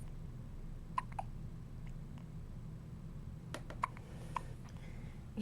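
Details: Two children, one in a white hat and one in a green hat, with hiccups: faint, sharp, brief catches spaced irregularly over a steady room hum.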